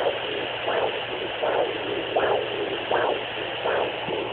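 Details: Rhythmic whooshing pulses, about 80 a minute, over a steady hiss from a fetal Doppler on a pregnant abdomen; Doppler heartbeat whooshes.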